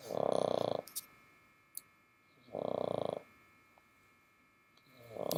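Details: A sleeping dog recorded with the ear very close: buzzing, fluttering snores on each breath in, roughly 25 a minute, with quiet pauses between.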